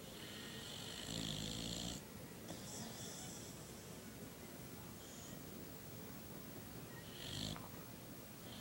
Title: Funny Snoring Dogs